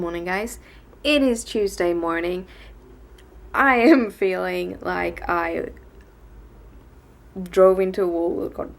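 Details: Adult woman with tics and a speech impediment present since waking that day, worse in Swedish than English, speaking English on a bad day; stuttering.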